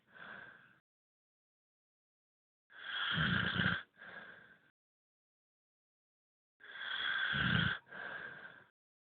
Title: I don't snore 1